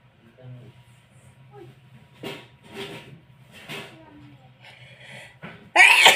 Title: more loud sneezing.